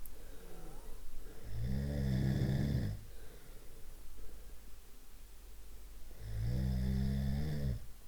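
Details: Snoring from a sound library of different snoring types: two loud, deep, rattling snores on the in-breath with quiet breathing between.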